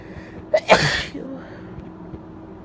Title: Wet, Messy, Congested Sneezes (F)